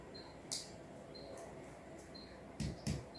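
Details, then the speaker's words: Nursing physical exam on an adult male patient: short hollow chest percussion taps over the lung give a resonant note, the normal sound over air-filled lung. "Resonan. Resonan. Resonan."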